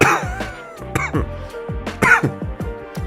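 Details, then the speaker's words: Adult recovering from a bad case of bronchitis, no longer acute: a run of harsh, chesty coughs over background music, a lingering post-bronchitis cough. "by the way I have I don't currently have bronchitis but I am I I had bronchitis so if I sound like I'm dying when I cough it's because I'm like my lungs are like recovering from bronchitis"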